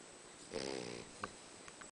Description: Our Boxer bela snoring like a human